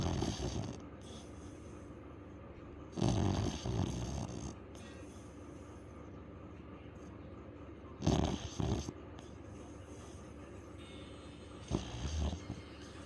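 Four loud, rough snorting snores at uneven gaps over a steady room hiss; loud snoring in a sleeping dog.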